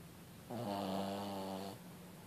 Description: Finally get to capture my dog snoring on 14/2/15